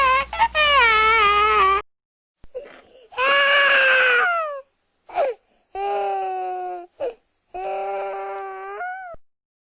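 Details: Small baby crying: several drawn-out wailing cries separated by short pauses and catch breaths; an ordinary infant cry.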